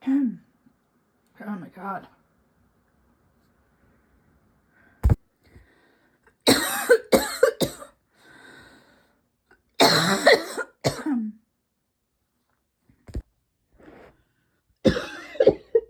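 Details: Repeated bouts of harsh coughing in quick succession with throat clearing between; persistent cough that won't quit, with throat and lungs constantly tickly.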